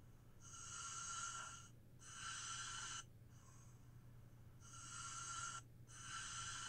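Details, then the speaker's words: Adult's own snoring recorded overnight with the SnoreLab phone app, which monitors snoring; reported snore score up to 200, snoring 78% of the time; sleep apnea concern raised. Snoring. "snore lab what this does it modders your snoring and you can tell you if you need to go see something and you know get yourself checked out"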